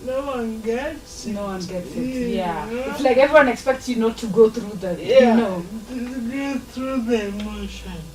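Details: Adult woman speaking; ordinary speech.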